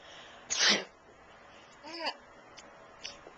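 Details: One loud, sharp, hissing sneeze, followed by a brief voiced sound in a quiet room; sneeze.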